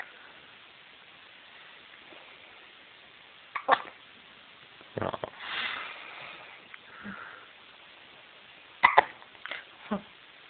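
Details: A 3-day-old newborn with late-night hiccups: several abrupt, jerky catches of breath with bits of voice and breathing in between.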